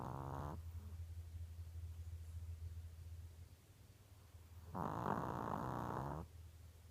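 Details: Sleeping animal with two long, buzzing, droning breath sounds several seconds apart over low room hum; owner questions whether this is snoring or pneumonia.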